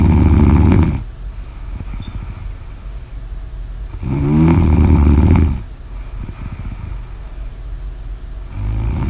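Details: Loud, deep, rattling snores on slow breaths, each lasting about a second, with quieter noisy breathing between; snoring.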